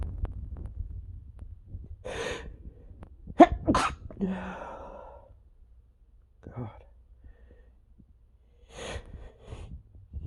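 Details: Male with really bad allergies: several sharp, explosive sneezes with breaths between them in a quiet room; allergic sneezing.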